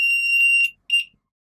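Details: An LTV 1200 ventilator powering up before non-invasive CPAP/BiPAP setup sounds a loud, high, shrill alarm tone, then a shorter second tone.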